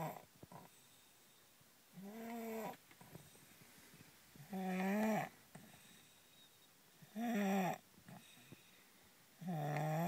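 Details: Sleeping in a car, light snoring: soft, whistling snores in a quiet car, one every few seconds, about 12 breaths a minute.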